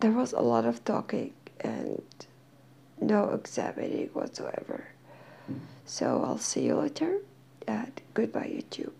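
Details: Dysphonia in a female speaker who is in therapy and slowly regaining her voice; she says she is hard to understand.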